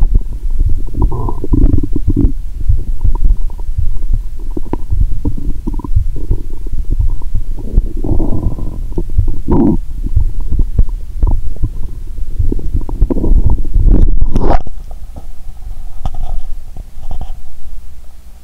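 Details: Stethoscope on the upper abdomen after drinking cola with Mentos, belly painful: continuous low gurgling and rumbling with bubbly bursts, active bowel sounds (borborygmi).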